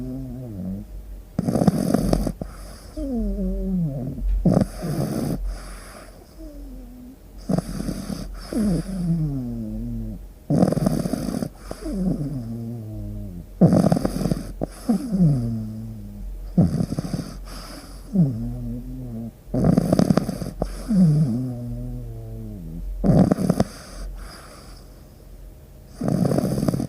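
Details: A sleeping Labrador Retriever dog snores loudly in a steady rhythm, with rough inhalations and whistling, fluttering exhalations: snoring.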